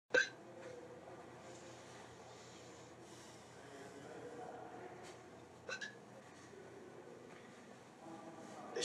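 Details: Two abrupt hiccups about five seconds apart over quiet room hiss, from a film scene (Down by Law) where a character with hiccups is offered cigarettes; hiccups.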